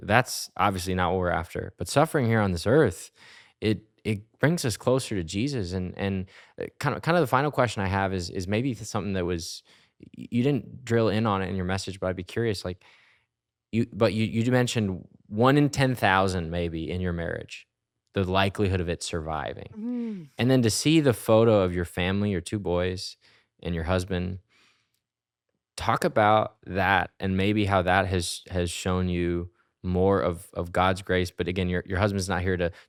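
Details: Adult male speaker; normal speech.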